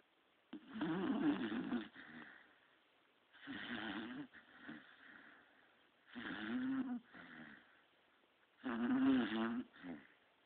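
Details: 3-year-old female beagle snoring loudly while asleep: loud, rough snores on each breath in, softer breaths out, about 24 breaths a minute.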